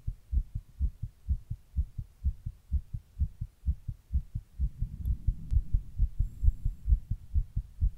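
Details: Heart recorded while sitting in 100-degree heat during a heatwave: fast, regular, deep heartbeats at about 130 a minute, with a short rustle partway through, tachycardia.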